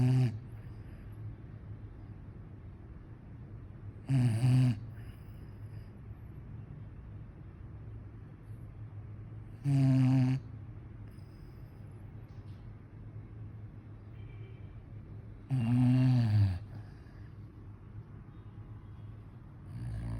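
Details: Sleeping dog snoring, with loud snorts on breathing in about every five to six seconds over low room noise; presented as the dog snoring like its owner.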